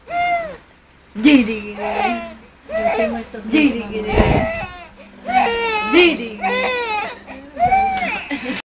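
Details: Baby crying: repeated high-pitched wailing cries in short bursts with breaths between; ordinary infant crying.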